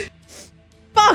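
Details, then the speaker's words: Adult streamer trying to force a sneeze: brief breathy intake, then a sudden loud voiced burst, cut off, over faint background music; a sneeze. "I keep interrupting myself with a [ __ ] sneeze"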